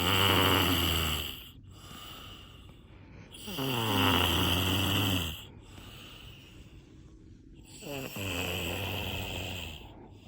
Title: Snoring 3